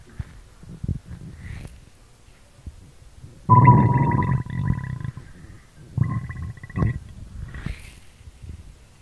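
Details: Stomach growling recorded in ASMR style: gurgling, rumbling sounds with a tonal squeal, typical active bowel sounds (borborygmi) from gas and fluid moving.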